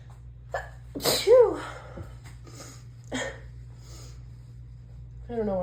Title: Allergy Fit | Female | Dizzy Sneezing Fit